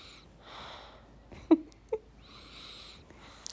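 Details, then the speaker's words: Little baby snoring, heard in the background of a home voiceover recording. "okay guys i just listened to my last voiceover and you can hear my little baby snoring listen"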